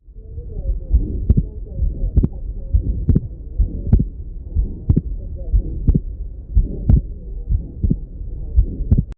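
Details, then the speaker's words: Wide splitting of S2 on heart auscultation: heartbeat about 60 a minute, second sound split into two close taps on both inspiration and expiration, wider on inspiration, from delayed right ventricular emptying. "Это ситуация, когда мы слышим расщепление и на вдохе, и на выдохе, но на вдохе оно больше. Вот примерно так это выглядит в жизни."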